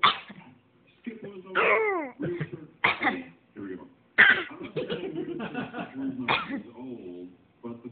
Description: Baby copies her Mama when she sneezes!